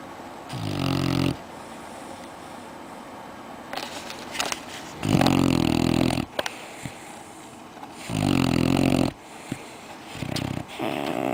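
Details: Red-nose Pitbull puppy sleeping in his bed after a day of playing outside, snoring as usual: loud, rough, rattling snores with quieter breaths between them.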